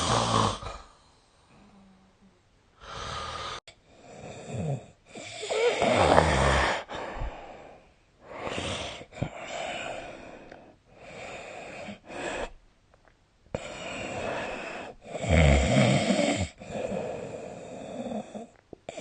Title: 🐽 本日のイビキ / Snoring Sleep Sound 2025/03/25